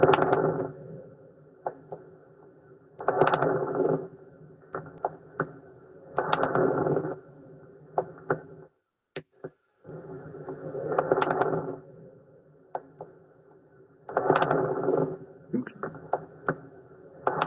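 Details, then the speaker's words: Lung recording played as an exam listening exercise: repeated breath cycles with bursts of low, bubbling crackles with larger, thicker bubbles than fine crackles: coarse (subcrepitant) crackles. "Subrepitantes. ¿Por qué? Porque la burbuja era más amplia, más gruesa. En cambio, de los crepitantes es más pequeña, más delgada."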